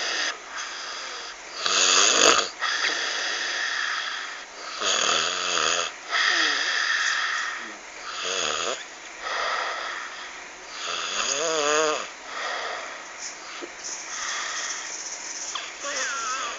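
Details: Very loud, rough, irregular snores with gurgling, fluttering pitch on each breath; heavy snoring described as frightening "tyrex" snoring.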